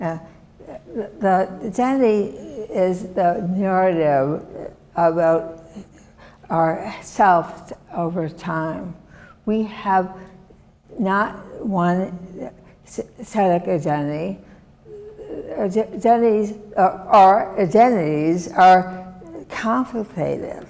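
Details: Non-fluent aphasia after a severe stroke in 2010 that also disabled the right side; adult woman, years post-onset, who had to relearn making sounds and still cannot speak as before; described as different from fluent aphasia.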